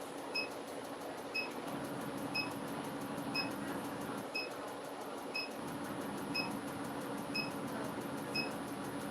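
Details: Harmony ClearLift facial laser demo on a patient reporting no pain and no numbing cream: sharp, regular handpiece pulse clicks about once a second over faint room noise. About 500 pulses on forehead and chin, 1500 per cheek, neck treated too.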